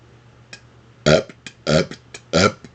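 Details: Deliberate talking while burping, reciting Happy Gilmore movie quotes: three loud voluntary burps with short throaty sounds between them, belching used as a performance.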